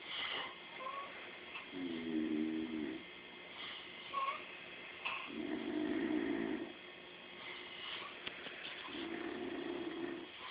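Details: Two animals snoring together all night: repeated soft, buzzing snores about every three seconds with overlapping breathing; snoring.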